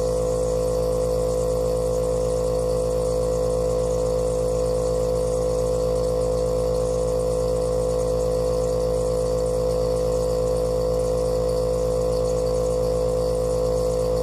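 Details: Compressor nebulizer running, used for asthma: a loud, steady mechanical hum with rapid, even pulsing at about four per second.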